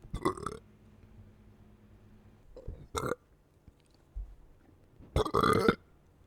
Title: gassy burps while drinking soda